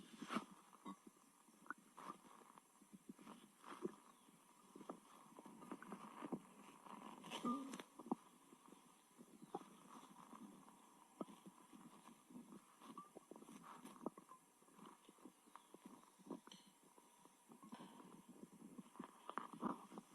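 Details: Belly after a large meal with stomach pain, recorded close up during abdominal massage: continuous low gurgling and bubbling rumbles; borborygmi (stomach growling).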